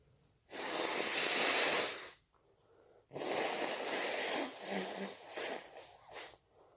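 A long hissing burst, then a second burst trailing into shorter sniffs; sneezing with allergy.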